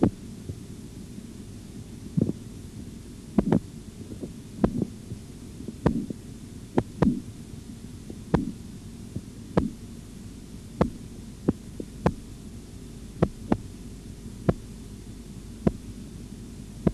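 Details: Korotkoff sounds from an auscultatory blood pressure training recording with a bradycardic patient: slow tapping tones at about 50 a minute over a low hum during cuff deflation. The first tone is at 140 and the last at 88 mmHg, giving 140/88 mmHg.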